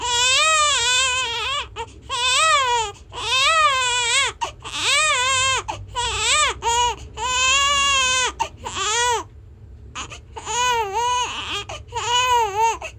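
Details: Loud, vigorous infant crying in repeated long full-voiced wails with brief breath pauses, recorded 18 July 2020; infant cry.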